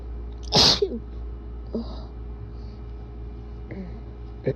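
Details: Person with bad allergies and a tickly nose deliberately induces a sneeze: a single loud, wet sneeze burst followed by a few faint sniffs and breaths in a quiet room; induced allergic sneezing.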